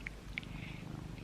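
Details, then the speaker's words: Resting pet cat lying beside the recorder, snoring quite lightly: soft, steady low rumbling with faint room noise; harmless snoring. "where i live with my lovely cat yo who you might be able to hear him snore because he is right here with me"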